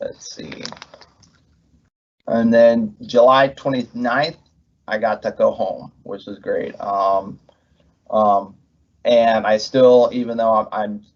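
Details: Adult man with aphasia after a left-hemisphere ischemic stroke from left internal carotid dissection, with right hemiplegia; after speech therapy, word-finding difficulty persists months later; halting speech with fillers and repeated words: aphasia after stroke (word-finding difficulty).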